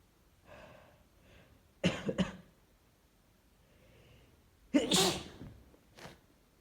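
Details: Person sick and miserable for the past 3 days: softer breathy inhalations, then two forceful, explosive sneezes with sharp onsets in a quiet room.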